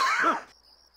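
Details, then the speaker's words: Acted cough in an anti-smoking advert: a single harsh, throaty adult cough portraying a smoker with lung cancer. "can become [crickets] smoker-with-lung-cancer's-cough"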